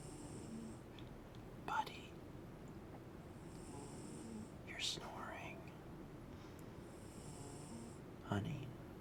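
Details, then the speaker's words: Sleeping cat snoring very loudly, with music paused so the snoring can be heard. "honey honey you're snoring sweetheart okay but you i know you're tired you're snoring real loud honey honey"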